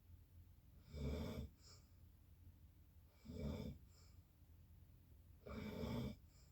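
Three loud, rough rattling snores on inhalation, about 25 breaths a minute, with quieter exhalations between; snoring.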